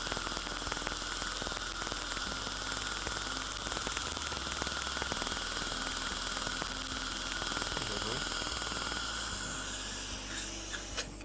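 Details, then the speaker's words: Steady hissing spray with a fast, even crackling pulse and a faint high tone: a cool dental laser firing in little bursts, removing decay from a tooth cavity near the gum line; the patient is slightly cold-sensitive. "and that little tapping sound you hear is the laser energy as it comes out in little bursts like that"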